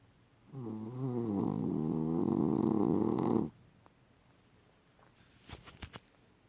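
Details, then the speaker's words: One long, loud, rattling snore from Vienna, a sleeping dog said to snore as loud as a human, followed by quiet and a few small clicks; snoring. "This is Vienna snoring. She snores as loud as a human."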